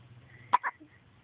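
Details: A single short, sharp hiccup, an abrupt catch of breath with a brief voiced click, against quiet room noise. Hiccups.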